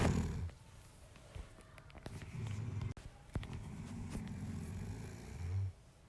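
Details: Snoring.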